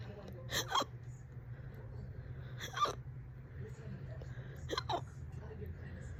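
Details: Fast, loud hiccups, on and off all day, this bout about 30 minutes: abrupt, sharp voiced hics about every two seconds, roughly 29 a minute, over low room hum.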